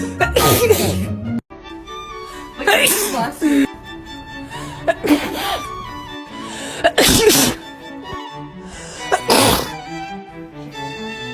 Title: TikTok Sneezing 18